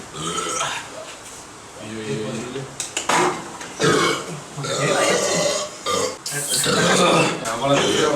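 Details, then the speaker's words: Several long, loud, croaking burps from men drinking with pizza, amid laughter and Spanish chatter in a small room; ordinary belching after drinking. "Hospital de eructo. Uy, eso suena mucho, ¿eh?"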